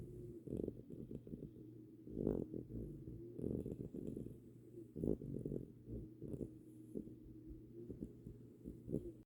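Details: Low, rumbling snorts recurring every second or two over a steady low background hum, consistent with a sleeping pet: snoring.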